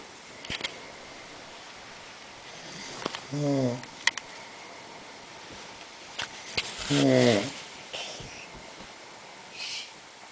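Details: Two rough, buzzing breaths about four seconds apart over quiet room noise with a few clicks; snoring.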